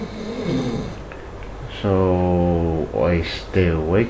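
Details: Snoring in a sleeping man: loud, deep, buzzing snores in repeated bursts after a quieter stretch of breathing and room noise.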